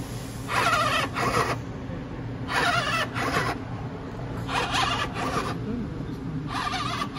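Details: DIY COVID-19 emergency ventilator prototype, still without tidal flow or absolute pressure control, cycling mechanically.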